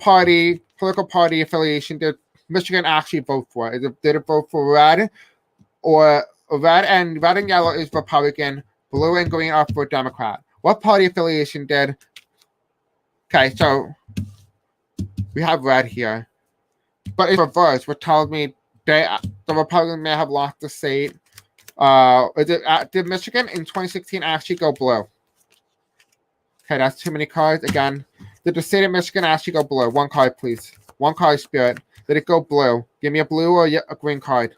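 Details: Adult male who says he has a deaf accent and may have a hard time pronouncing certain words; deaf speech.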